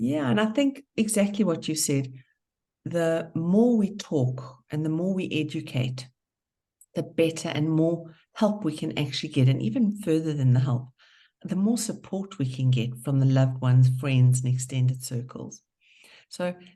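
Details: Adult speaker; ordinary speech.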